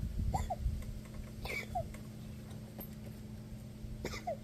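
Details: Dog (Salty) wheezing: the breathing carries brief, high, squeaky whistles in pairs from narrowed airways.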